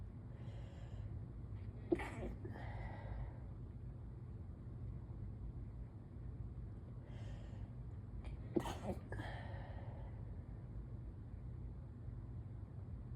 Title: Stifled morning allergy sneezes (pt.1/3)